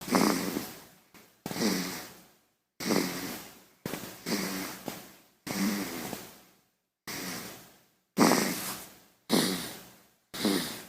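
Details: Baby snoring sound effect: short, rattly, low-pitched snorting breaths repeating irregularly at about 50 per minute, each fading quickly with brief quiet gaps: infant snoring.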